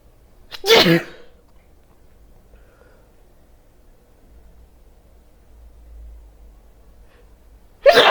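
Two sharp, explosive sneezes several seconds apart in a quiet room.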